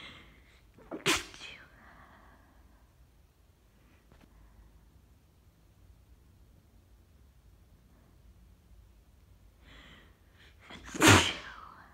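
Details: Person sick with a bad cold, sneezing fit: two sharp sneezes several seconds apart, the first partly stifled, the second fuller and louder, quiet room noise between.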